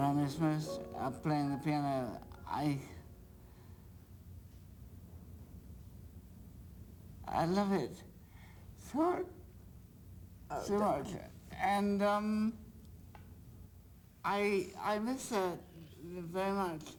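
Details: An adult male actor diagnosed in 1998 with progressive supranuclear palsy after symptoms began in 1994, seeing a speech therapist; PSP listed as progressive with slurring of speech; dysarthria in progressive supranuclear palsy.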